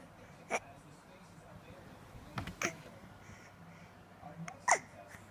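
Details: Baby with hiccups while smiling: three brief, sharp catching sounds a couple of seconds apart in a quiet room; infant hiccups.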